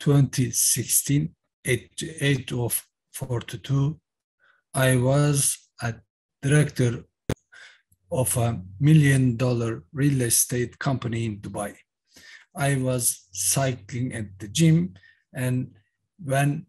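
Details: Aphasia in a man after a massive stroke in October 2016 at age 42; stroke survivor speaking about his recovery.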